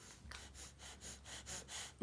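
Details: Woman asleep who insists she does not snore: quick series of short, noisy breaths, about four in two seconds, with a snorting gasp; gasping breathing during sleep.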